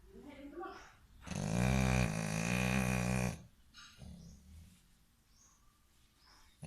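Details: An American Bully dog snoring: one long, loud, buzzing snore of about two seconds, with softer breathing before and after.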